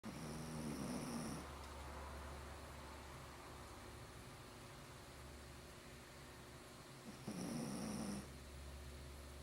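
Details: Joey deeply asleep, snoring: two soft, rasping snores about six seconds apart over low room noise; quiet snoring.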